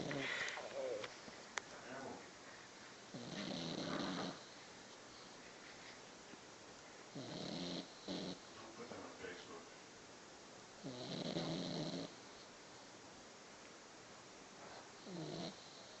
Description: loud snoring pug